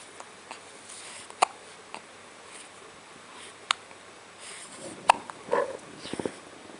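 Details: Brief sharp catch sounds recurring every second or two over a quiet room: hiccups.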